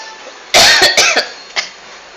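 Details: Simulated cough: a run of four harsh cough bursts acted in a comedy skit about a coworker coughing nonstop at work.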